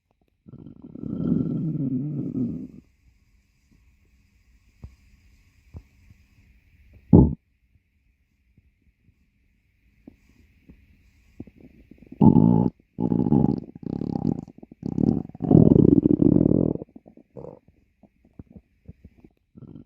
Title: stomach growling.